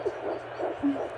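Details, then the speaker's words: Handheld home Doppler at 9 weeks 3 days of pregnancy, found by the partner: rapid, soft whooshing pulses of the early fetal heartbeat; fetal heartbeat on Doppler. "it just gives you that reassurance um knowing that you can hear that heartbeat and that your baby's okay"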